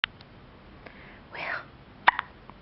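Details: Hiccups: brief sharp clicks and a short breathy voiced sound in a quiet room.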